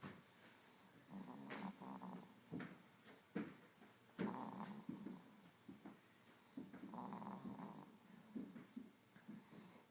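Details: Rosie, a sleeping dog: soft, rumbling snores with snuffly breaths between them; ordinary snoring.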